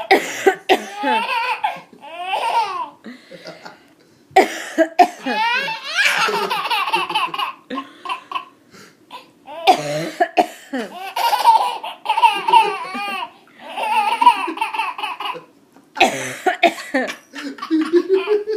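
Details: Several short, sharp adult coughs from the baby's mother, each followed by an infant's bursts of hearty, hysterical laughter.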